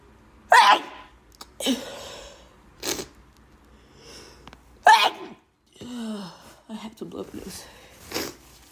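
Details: Person with really bad allergies: two forceful sneezes with sharp explosive bursts, plus sniffing and brief voiced sounds between; repeated allergic sneezing.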